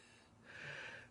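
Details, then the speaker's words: 9/11 landfill recovery worker with damaged lungs at 59% capacity and heart pumping at 36%, on about 20 pills a day and 3 inhalers, winded while talking: one labored breath with high whistling wheeze. "As you can hear me wheezing. I'm on a lot of medication."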